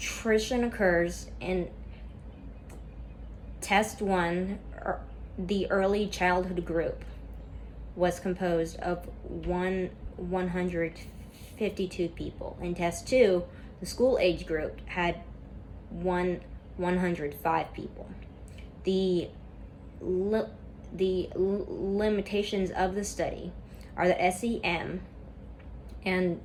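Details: Stuttering in a woman reading a class PowerPoint presentation aloud; she describes a lot of tension at first that eases as the reading goes on.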